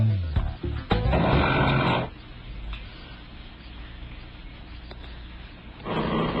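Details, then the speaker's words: A horse lying asleep in its stable stall at night snores loudly like a human. Rough, rumbling snores come in two bursts several seconds apart over quiet music. "ครับนี่เสียงม้าที่เราเคยได้ยินนี่นาเป็นเสียงกรนของม้าหรือเปล่านะม้าที่อยู่ห้องข้างๆก็ด้วยในค่ำคืนที่ม้าทุกตัวต่างก็นอนลงแล้วหลับเอาแรง"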